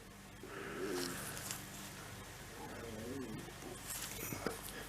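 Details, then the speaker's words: Adult's empty stomach growling from hunger, with low gurgling, wavering rumbles: borborygmi. "that my stomach growls you can hear that that's my stomach ground i'm starving"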